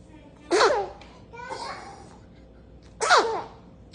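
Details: Infant sneezing while being burped by dad: two sudden, sharp sneezes with a soft voiced sound between them.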